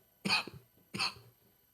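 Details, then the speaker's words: Podcast participant coughing during a game segment: two sharp, separate cough bursts about three-quarters of a second apart, each followed by quiet. "The cough is not saving you. Why we can hear that? We can hear you coughing. Hear you dying."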